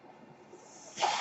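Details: Breath cycle of the podcaster's own mechanical ventilator, heard while he speaks.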